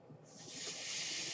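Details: A soft airy hiss swells then holds steady as a man's own mechanical ventilator pushes air during one breath while he records a spoken podcast: mechanical ventilator breath cycle.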